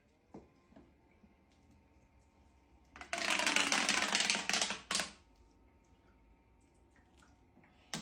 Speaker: Can you hear that it's not starting up like a tracker op die plaas? This nebulizer sounds different.